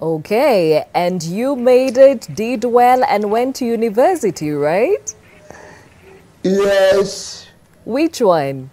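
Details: Adult woman (host), with a brief reply from another speaker; typical speech.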